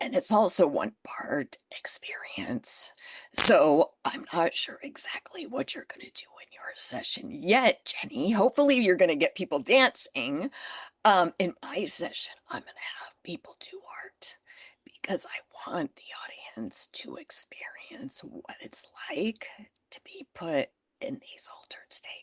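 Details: Adult woman with spasmodic dysphonia that began after stress and illness while building her business. It is still present and being managed naturally, without Botox: spasmodic dysphonia.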